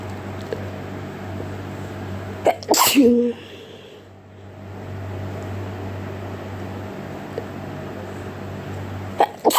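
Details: Sneezing while sick: one loud, sharp sneeze against a steady low room hum, part of a long run of repeated sneezes.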